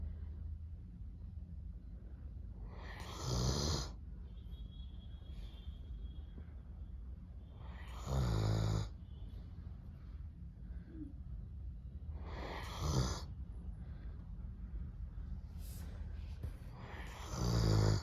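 Deep rumbling snores with each breath, about four in eighteen seconds, roughly 13 breaths a minute, from a sleeping large dog.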